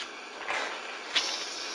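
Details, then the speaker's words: Steady airy hissing with brief gurgling surges as sterile water is drawn through a suction catheter to rinse it after open endotracheal suctioning; routine airway suctioning sound, training checkoff demonstration. "just rinsed it out i'm going to listen to your lungs again a minute see if i need to go down again"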